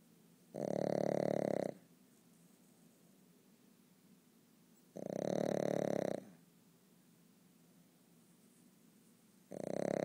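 Loud, rattling snores about every four to five seconds, each lasting about a second, with quiet breathing between: snoring in a sleeping dog.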